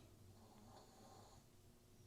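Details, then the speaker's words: Snoring heard in the background of an indoor recording. "If you can hear Herman snoring in the background, you're correct, that's Herman snoring in the background."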